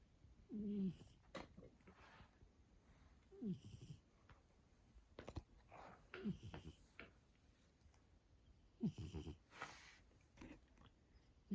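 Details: Snoring during sleep; a person is heard snoring.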